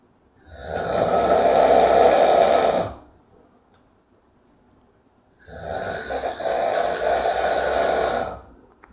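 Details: Two long, loud, rattling snores, each about 2.5 seconds, separated by a quiet pause; snoring.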